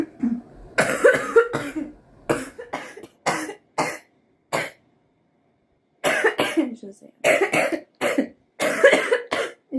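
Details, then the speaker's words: A girl's real coughing: repeated short, harsh coughs in two clusters of several bursts separated by a brief pause. "do you hear that i know you find my cough cute so"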